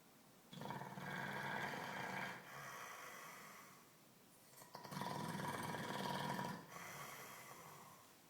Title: Funny Dog Snoring